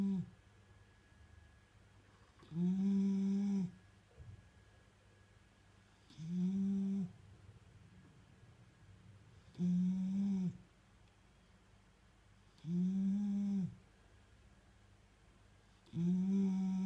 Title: Mini bullterrier snoring pike a buldozer.